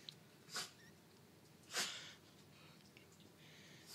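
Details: Dog sneezing repeatedly, possibly after sniffing cleaning solution; owners wonder about allergies; two short, sharp nasal bursts about a second apart: dog sneezing.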